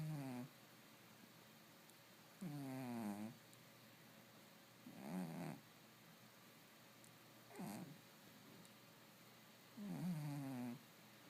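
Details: Cat snoring in his sleep, owner says all the time: rhythmic, fluttering snores on each breath, about five in eleven seconds, quiet room.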